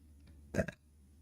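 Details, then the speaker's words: A single sudden, sharp throaty hic in a quiet room; a hiccup. "God. Fucking hiccups, man."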